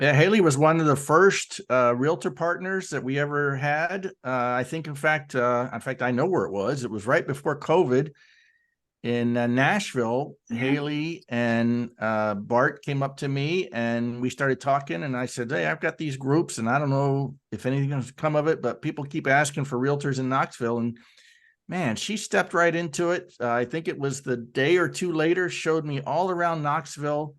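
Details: Adult male speaker; normal voice.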